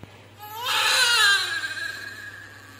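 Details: Newborn girl at 39 weeks, immediately after normal delivery: a single strong, high-pitched cry rising then fading; normal first cry after birth.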